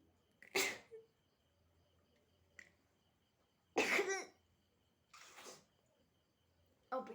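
Several short, sharp bursts of breath come at irregular intervals, sounding like sneezes mixed with coughs, against faint room hum. Sneezing.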